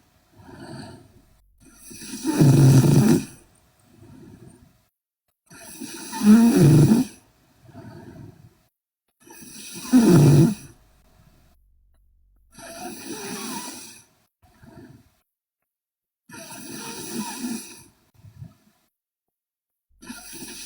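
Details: Sleeping young Korean woman snoring loudly, with rattling snores on each inhalation at about 16 breaths a minute and quiet exhalations between; heavy snoring.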